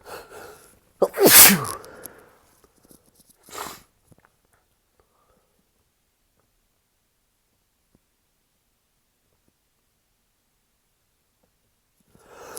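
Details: Stifled sneeze during a second sneezing fit while recovering in bed after a shower, following about 19 earlier sneezes, the first 7 after using shampoo; brief intake, sharp partly held-in sneeze and smaller second burst.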